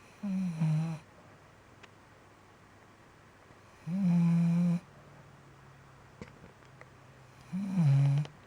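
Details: Snoring recorded August 2015: loud, tonal, buzzing snores about every four seconds, with quiet gaps between them in a quiet room.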